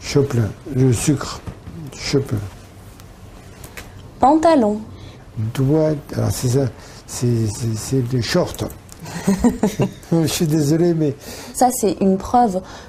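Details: Male patient with aphasia with word-finding difficulty: semantic system intact but he substitutes associated words for targets.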